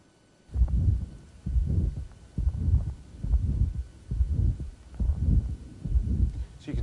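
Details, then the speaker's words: Mild pulmonary valve stenosis at the left upper sternal border: light mid-systolic murmur rising to peak intensity, with the first and second heart sounds still heard. "still hear first hurts and you hear the murmur kind of grown into peak intensity very light and we hear a second heart center so it meets the definition of mid-systolic"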